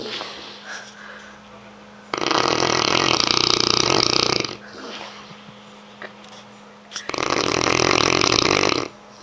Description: Korean Mastiff snoring very loudly.